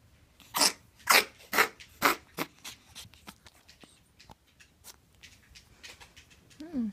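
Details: Dog's cough: series of forceful, harsh hacking bursts fading into softer repeated expirations, with a brief human voice at the end.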